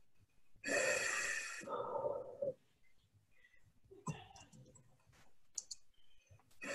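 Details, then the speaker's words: RespiraWorks ventilator demo on a test lung in pressure assist mode with a long mandatory rate and high PIP: a single apnea backup (mandatory) breath rushes in for about two seconds, then quiet with soft valve clicks. "t and we're gonna let it just do a couple of apnea breaths first so that we can see what the baseline looks like"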